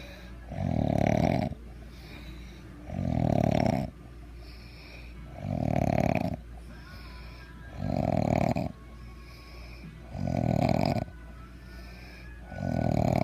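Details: Loud, regular rattling snores on each in-breath, about 26 breaths a minute, with quiet pauses between; a person described as snoring badly, heavy snoring.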